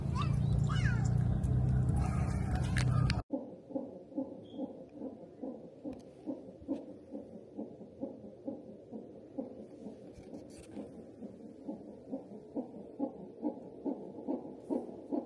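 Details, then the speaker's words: After loud room noise, steady, rapid whooshing pulses at about 143 per minute from a hospital CTG monitor: fetal heartbeat in a pregnant woman with a suspected leak and a positive swab, who is awaiting a cannula for antibiotics. "Hi h we have this going on baby's heartbeat right there so they put the ctg guys"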